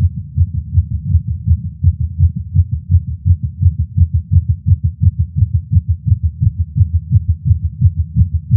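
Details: Male's own heartbeat recorded with a Stemoscope digital stethoscope while smoking a cigar after not smoking for a while, feeling lightheaded: fast, regular beats about 170 per minute; nicotine-related tachycardia.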